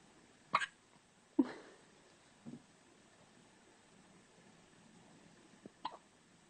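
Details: Hiccups: four short, abrupt hiccups at irregular intervals, roughly 70 a minute, each a sharp catch with a faint voiced tail.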